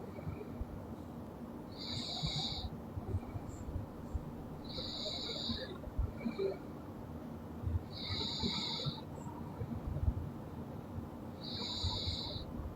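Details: Sleeping girl snoring loudly: rhythmic noisy breaths with a whistling edge, about 20 breaths a minute.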